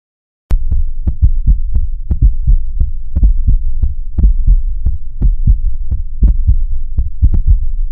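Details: Repeated low lub-dub heartbeat thumps over a steady low hum, normal first and second heart sounds (S1/S2).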